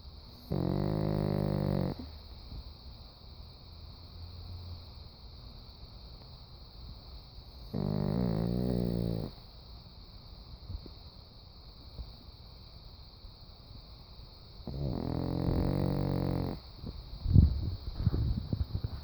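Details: Snoring at 3:45 AM: three long, low, rumbling snores about seven seconds apart with quiet breathing between.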